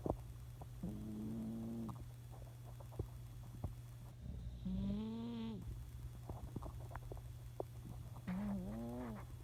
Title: My senior cat🐾 “Mustard” snoring 💤🐾🤣❤️